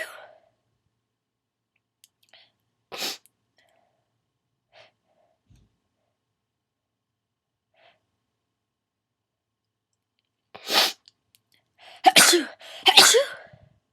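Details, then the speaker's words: Sneezing fit with stuck sneezes, the person trying unsuccessfully to hold them in: quiet breaths and short catches, then a cluster of three forceful sneezes close together at the fit's start. "Trying to hold it. Trying to hold it in. It's not really working."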